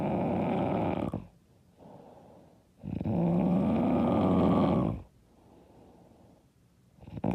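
Loud, harsh, vibrating snores on each in-breath from a sleeping adult, with softer out-breaths between; heavy snoring.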